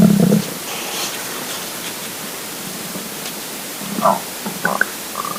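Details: Stomach rumbling from a hungry, empty stomach: bowel sounds (borborygmi).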